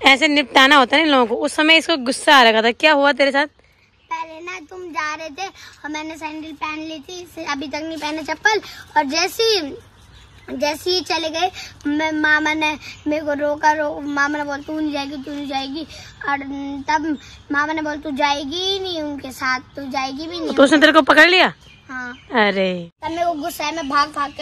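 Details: Adult woman and young child in conversation; normal voice.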